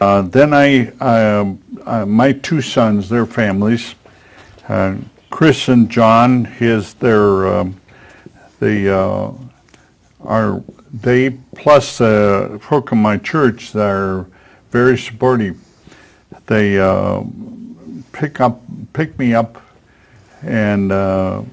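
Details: Man with aphasia acquired after a stroke at age 73, attending an aphasia conversation group; aphasia.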